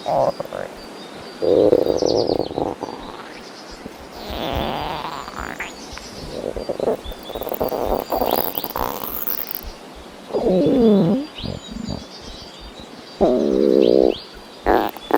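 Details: Hungry stomach growling: low gurgling rumbles and squeaky rising-and-falling growls in bursts; ordinary borborygmi with hunger.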